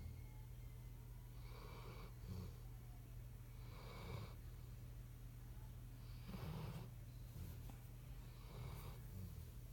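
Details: Yellow Labrador dog asleep, soft rhythmic snoring with a couple of snorts, about four breaths in ten seconds, over a low hum; snoring.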